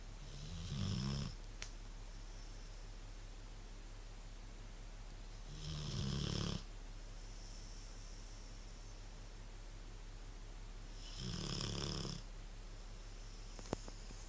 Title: Rottweiler snoring!